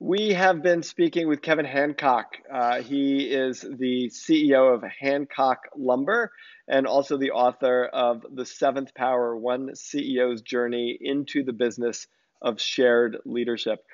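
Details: Adult male speaker; normal voice.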